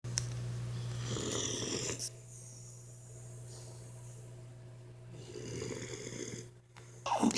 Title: Boxer puppy snoring super loud